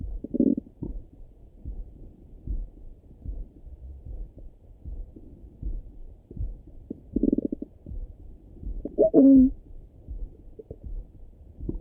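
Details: Morning stomach rumbling heard through a stethoscope: soft, irregular gurgles and brief rumbles with one louder squeaky gurgle; ordinary bowel sounds (borborygmi).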